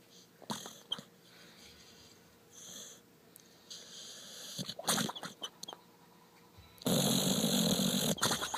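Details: Rough, noisy breaths and snorts from a sleeping pit bull, building to a loud rasping stretch near the end: snoring.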